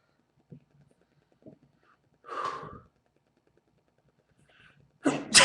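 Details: Man in a repeated sneezing bout, no allergies, triggered by cold-to-hot changes: quiet sniffs, a muffled sneeze, then the start of a louder sneeze.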